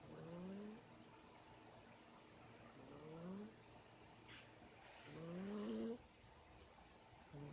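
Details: Snoring in a cat, heard from the kitchen: soft, low, rising nasal snores with quiet pauses between breaths over faint room noise.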